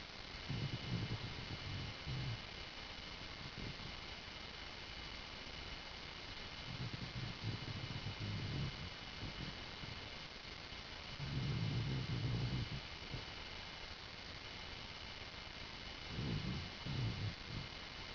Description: This is my Dog Lily snoring while sleeping on my bed.